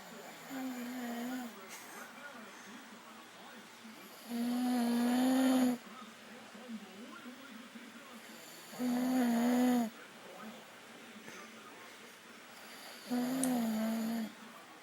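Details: Man recorded asleep in the dark: loud, droning snores on each in-breath, about three in fifteen seconds, with quieter breathing between; ordinary snoring.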